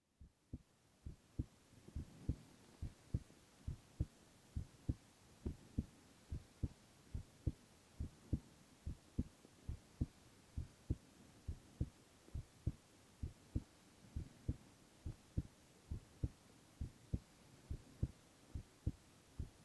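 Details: Male ASMR recording of heart sounds only, no talking: steady, muffled regular thumping heartbeat at about 70 beats a minute with a soft background hum; normal heartbeat.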